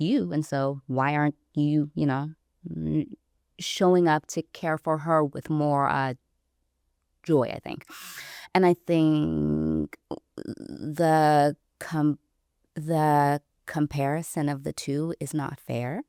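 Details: Adult woman who self-identifies as a person who stutters, recorded speaking in a real interview; stuttering.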